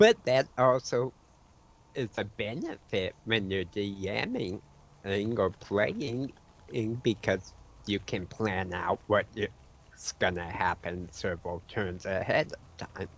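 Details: Adult man with autism and a self-reported speech impediment; he says his words sometimes break up and he repeats words mid-sentence when his mind wanders; speech impediment with disfluency.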